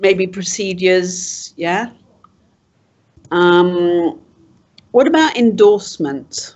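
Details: Adult speaker; typical speech.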